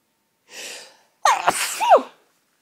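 A breathy in-breath followed by one forceful sneeze, muffled into a tissue; a hay fever sneeze.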